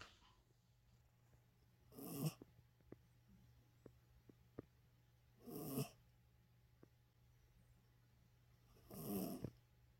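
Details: Dog sleeping: three snorting snores, about 17 a minute, with small clicks between them in a quiet room; snoring.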